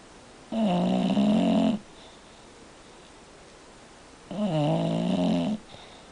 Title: Kona snoring